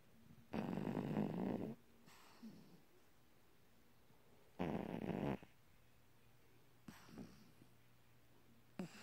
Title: Gishpa snoring!